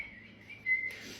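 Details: Person with Tourette's syndrome, a chronic whistler, having many tics after holding them in: brief thin sustained whistle followed by a soft breathy sound; whistling vocal tic.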